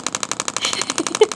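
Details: Radial shockwave therapy on a focal deltoid trigger point of an adult man with shoulder pain, discomfort a bit above 6; rapid regular clicking pulses about twelve per second.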